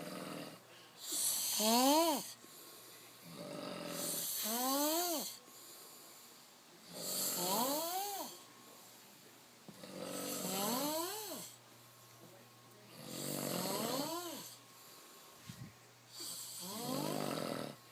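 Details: Several adult friends asleep on couches at a house, recorded for a snoring contest: loud rhythmic snores about 20 a minute, each with a rising tonal buzz on the breath in. Snoring.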